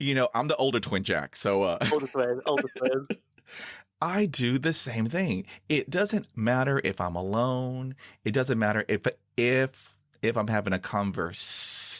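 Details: 49-year-old man who stutters and reports severe blocks with eyes closing and breathing stopping; part-word and whole-word repetitions; stuttering.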